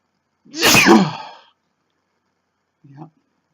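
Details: Man sneezing, labeled first time: one loud, explosive sneeze with a sharp inhaled build-up, followed after a pause by a faint breathy sound.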